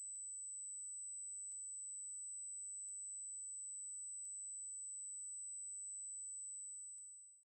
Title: How Audio Notching Treats Tinnitus